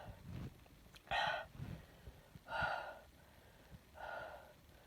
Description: I’m super sick, not sure if it’s a cold or the flu, I induced 3 sneezes and then I couldn’t stop sneezing.